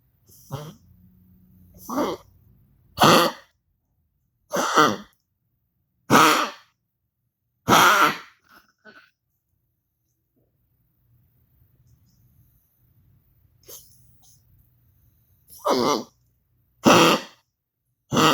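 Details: Cough in Goliath, recorded for Dr. Olsen: bouts of dry, hacking coughs, about nine in 18 seconds with a quiet pause between.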